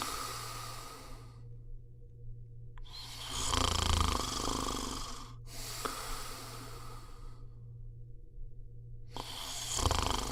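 Loud, harsh snores on each in-breath, separated by quiet pauses, with a steady low hum underneath. Heavy snoring.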